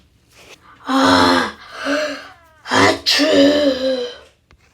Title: 160 thousand sneeze